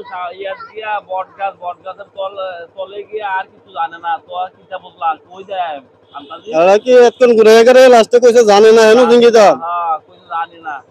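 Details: Adult male speakers, comedy skit; normal speech.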